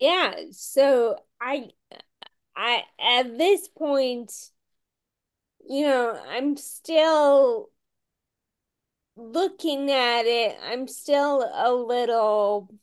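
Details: Adult woman with Friedreich's ataxia, a rare, genetic, progressive condition diagnosed at age 16, who reports long-standing voice issues; ataxic dysarthria.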